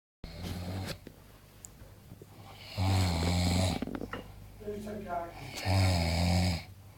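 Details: A sleeping man snoring very loudly: deep, rattling snores on each breath in, with quieter breathing between.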